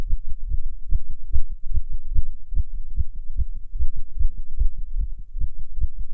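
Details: Non-smoker's heart while smoking a cigarette: rapid, steady low thumps with little pause between beats; nicotine-induced tachycardia.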